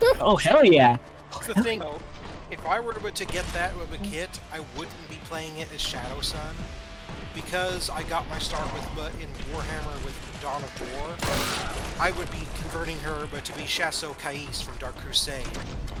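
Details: Adult male speaker with game sounds and music in background; typical speech.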